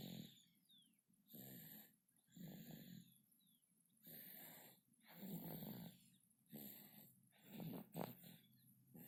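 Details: Rhythmic rattling snores with each breath, about seven breaths in nine seconds, from a sleeping infant.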